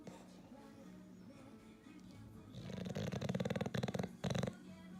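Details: Fluttering, rattling snore breaths over a steady background tone from a sleeping English Bulldog; snoring in a short-nosed dog.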